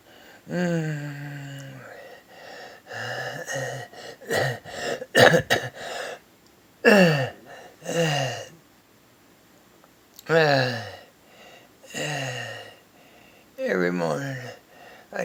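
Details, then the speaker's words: Patient's stridor: harsh, high-pitched noisy breaths with a tonal whooping quality in repeated labored gasping bursts; patient reports worsening every morning, can't catch breath, calls it hyperventilating, filmed to show doctors. "over my bread I try to breathe through my nose and every morning just worse I can't breathe can't catch my breath what can we do something I can't be like this every day somebody help me"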